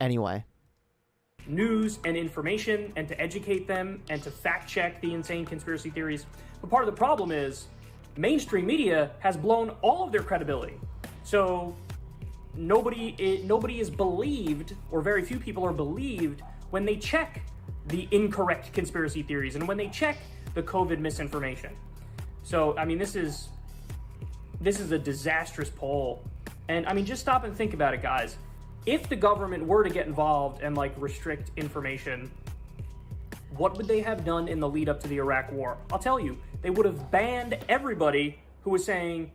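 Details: Adult speaker; normal speech.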